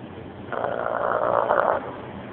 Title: our 7 months old olde english bulldog Spots snoring....@ work